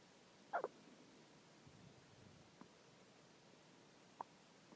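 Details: Hiccups in a 9-day-old baby boy: faint, abrupt squeaky catches of breath, about three over five seconds, against a quiet background.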